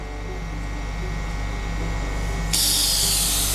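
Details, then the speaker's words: Oral suctioning with a suction catheter inserted from the corner of the mouth to clear the mouth, in a nursing procedure demonstration; steady motor hum, then a loud hissing rush as suction opens. "kemudian kita akan melakukan untuk area mulut kita masukkan dari sisi sudut e tepi mulut dari pinggir kita masukkan kemudian kita tutup tangan kita kita bersihkan area sekitar mulut"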